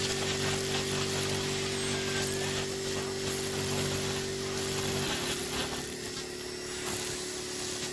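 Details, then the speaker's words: Male patient with a very involuted ingrown toenail and nail bed damage that receded after years of overcutting: steady high-pitched podiatry nail burr whine, its pitch shifting with load as it grinds and smooths the toenail. "So what we're going to do today is we're going to cut everything back, smooth everything back, and I've instructed him to cut it regularly to see if it will reattach."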